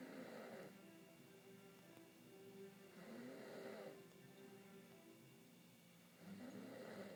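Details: Loud snoring from a person who fell asleep while watching TV: slow, loud rasping snores, about 19 a minute, over steady television sound with music.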